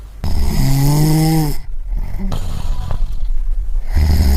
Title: Snoring Sound Effect (1 hour)